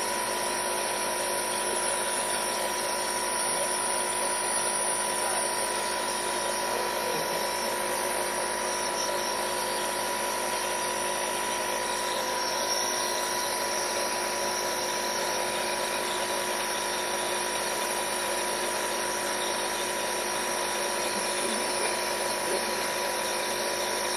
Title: THIS IS HOW YOU TREAT AND ASTHMA ATTACK